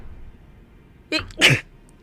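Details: Female streamer: a short inhaled catch, then one sharp, explosive sneeze over a quiet room background.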